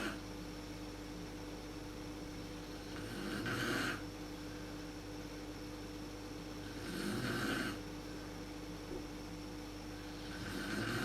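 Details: Adult woman (mother) snoring in a dark room, worst at sleep onset, recorded on a PowerShot SX130 IS camera: three slow, rough, drawn-out rattling inspiratory snores, about 17 a minute, over room hum.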